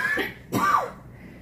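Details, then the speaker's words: Adult woman with a chronic cough lasting 30 years, which began in 1986 at the end of her first trimester of pregnancy without a cold: two short, dry, throaty coughs in quick succession. "But can you imagine coughing consistently like this for 30 years?"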